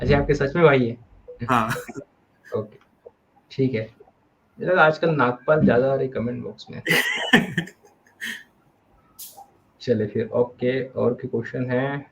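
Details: Adult male speaker; normal speech.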